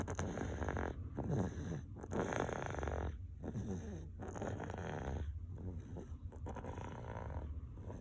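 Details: 2-year-old boy snoring steadily, with rough low rumbling on each breath and brief quiet gaps between breaths.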